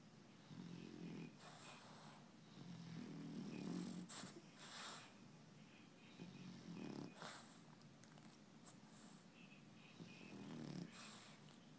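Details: Snoring from a sleeping dog described as a twitchy sleeper: soft rhythmic snores with a faint whistling, wheezy edge on the breaths, with some room noise.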